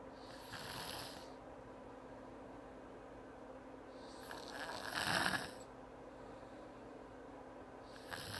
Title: Typical Example of His Sleep and Snoring Video 1